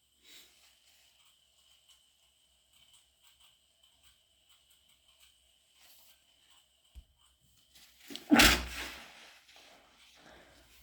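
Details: After a nasal spray made the nose burn, itch and run, during a cold-like illness later found to be an ear infection: a quiet stretch ends in one loud, wet sniff through a runny nose, following induced, stifled sneezes.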